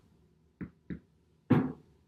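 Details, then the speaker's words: Finger-on-finger percussion over the posterior chest during a demonstrated respiratory exam, tapping across seven posterior areas, each side expected to sound similar: normal resonant percussion note. "I'm going to use my two fingers of of my opposing hands. This is my striking finger. And I'm going to tap"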